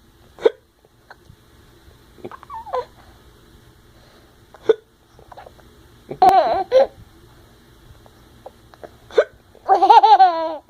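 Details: Parent and son in a hiccup battle: sharp, brief gulping hiccups at irregular intervals from two people, with bursts of laughter between; hiccups.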